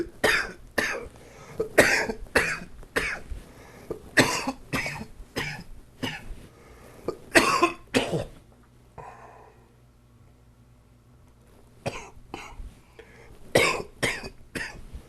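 Repeated harsh coughs in runs, about fifteen, with a pause, typical of a chest cold.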